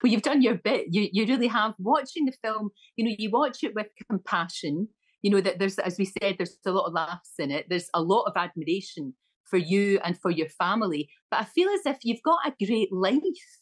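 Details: Adult woman speaking; typical speech.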